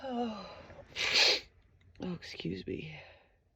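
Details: A sharp, hissing single sneeze, then breathy gasps and short voiced sounds, from a female who could not stop sneezing all day; sneeze.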